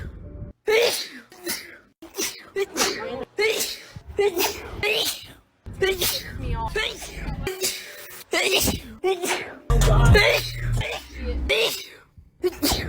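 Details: Series of sharp, explosive sneezes from different people, many preceded by a quick in-breath, with brief background music; sneezing compilation.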